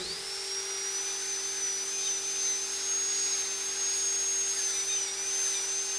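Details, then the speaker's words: Dental drill with round bur on a surgical extraction simulator: steady high-pitched whine over low hum, removing a small window of inter-radicular bone to lift out a tooth root. "I will now remove a small window of bone here from that central piece of bone that used to be in between those two tooth roots. And that gives us the space that we need to lift that tooth out carefully and surgically. So I'm switching again to a round bur."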